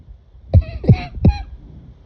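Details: Three short, harsh cough bursts in quick succession at midnight in a quiet room.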